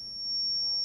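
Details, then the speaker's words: Steady high-pitched electronic tone of a Zoll R Series defibrillator charging to 100 joules for synchronized cardioversion in a training demonstration, after 50 joules failed. "I didn't cardiovert the patient on 50 joules, so I'm going to go to 100 joules this time. Charge my machine."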